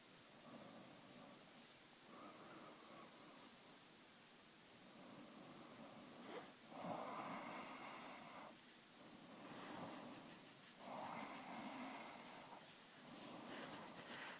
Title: Snoring!!!